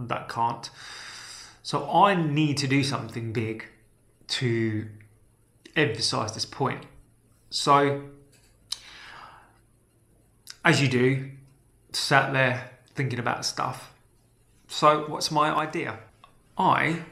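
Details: Stammering in a man who stammers; stammering.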